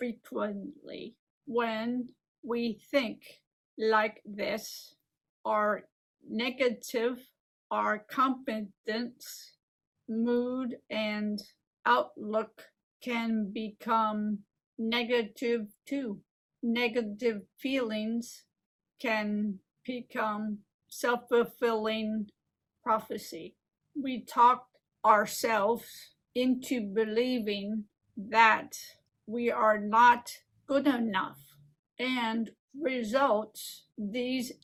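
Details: Adult woman living with aphasia and apraxia since a stroke 15 years ago: aphasia with apraxia of speech.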